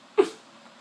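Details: Involuntary vocal tic of Tourette syndrome: a single abrupt, squeaky vocal burst with no words, during speech.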